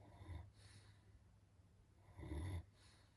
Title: Snoring German Shepherd #gsds #dog #germanshepherd